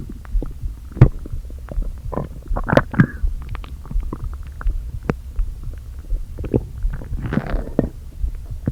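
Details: Empty stomach after not eating all day, abdomen deliberately inflated a little: empty-sounding groans, with air seeming pushed back and forth; bowel sounds (borborygmi).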